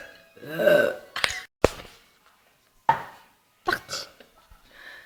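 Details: A girl unable to stop burping: a drawn-out voiced burp followed by several shorter burps and brief throat sounds.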